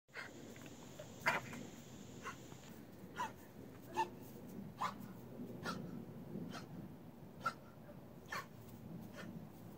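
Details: Coughing.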